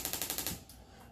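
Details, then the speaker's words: Rapid, loud, sharp clicking pulses, about six a second, then stopping, from a radial pressure wave (shockwave) therapy device applied with ultrasound gel to break up scar tissue, causing some discomfort. "so we just apply a little bit of ultrasound gel to the area and it does kind of make a loud noise and there's a little discomfort as we're breaking up scar tissue"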